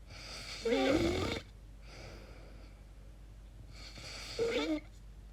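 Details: Snoring during sleep: two rough, fluttering inspiratory snores separated by a quiet pause of about three seconds. The sleeper calls them very strange noises and wonders about sleep apnea.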